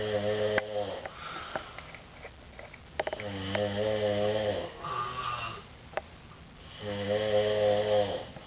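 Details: Two friends, at least one male, sleeping in an apartment living room, their different loud buzzing snores overlapping and alternating, about 17 sounds a minute; snoring.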